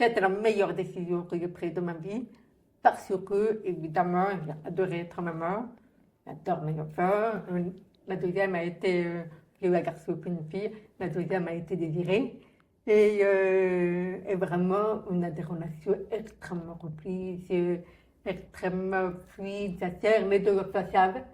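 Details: Adult woman, profoundly deaf, speaking in an interview: deaf speech.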